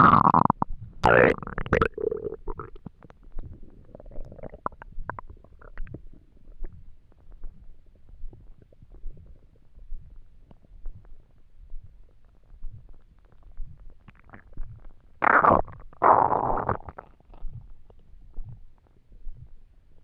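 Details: Empty stomach while trying to sleep: loud gurgling, groaning stomach rumbles in bursts with quieter bubbling between; borborygmi.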